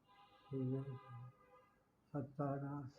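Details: Adult man with aphasia and right-sided paralysis after hemorrhagic stroke, attempting to answer when asked how many children he has; aphasia after stroke.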